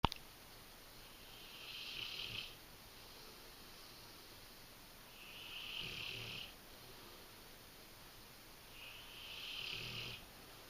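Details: Female English Mastiff snoring during sleep: three slow, regular rasping snores, about 15 breaths a minute, over a steady room hiss.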